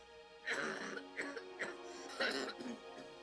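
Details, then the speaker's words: Young boy with asthma, dramatized account: the nighttime cough that always started his asthma attacks, worst in dry-air season. "When the season was bad and the air was real dry, it was just about every night you could expect that he'd have the asthma attack. It always started with a cough."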